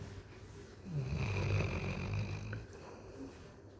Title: Cute Dog Snoring